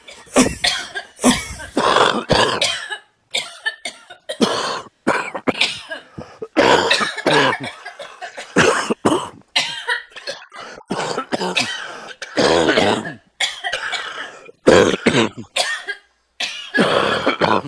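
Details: Adult coughing repeatedly outdoors in the woods, with harsh, rattling bursts of a smoker's cough.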